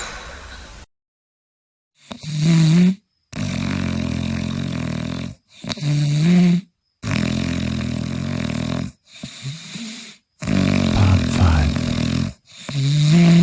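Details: Series of loud, deep, rattling snores separated by abrupt silent cuts, from a snoring compilation; snoring.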